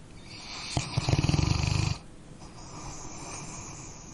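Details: A sleeping dog gives a single low, fluttering, rattling snore on the in-breath, then quiet breathing against faint room hiss.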